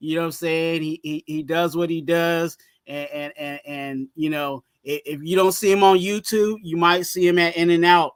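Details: Stuttering in an adult male, severe in childhood and now milder but still slightly present in his speech.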